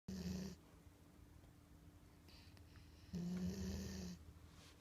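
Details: Two low, rattling snores about three seconds apart, with quiet breathing between them; ordinary snoring.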